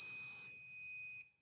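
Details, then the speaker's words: Sequal Eclipse 5 portable oxygen concentrator plugged into external power: a single sustained high electronic beep of about a second confirming it is connected and receiving power. "and you'll hear that beep to let you know that you're plugged in and receiving power"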